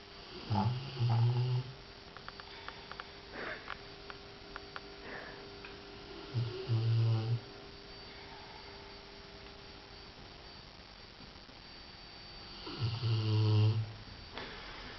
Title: snoring rottweiler